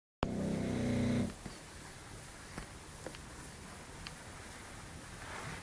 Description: english bulldog snoring like pig in 2:40 it's very funny see it